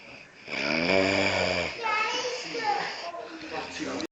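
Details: Adult woman asleep snoring very loudly: a loud, drawn-out nasal snore with buzzing, voice-like quality, then a gliding, whistly breath sound; snoring.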